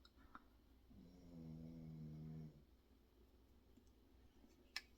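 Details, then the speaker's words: A dog snoring in the background while someone talks: snoring. "If you can hear someone snoring, it's my dog."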